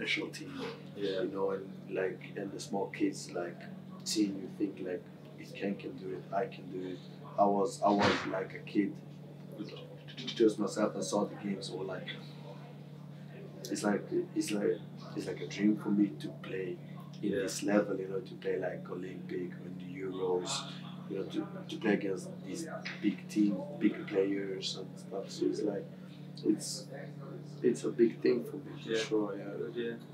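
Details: Adult male who has stammered since age six, speaking English as a second language (Swedish first); stammer varies day to day and is worse after games and when tired; stammering (stuttering).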